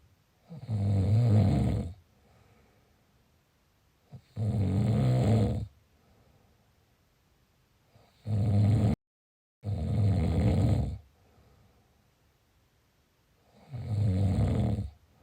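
Loud, low, rattling snores on each in-breath, about 16 a minute, with quiet pauses between; ordinary heavy snoring.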